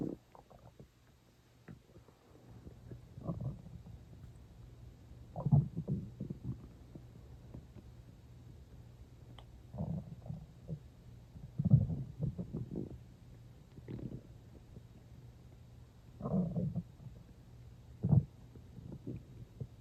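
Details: Stomach growling in a person who was not very hungry and had eaten not long before, drinking water toward the end: scattered low gurgles and rumbles in irregular bursts, normal bowel sounds.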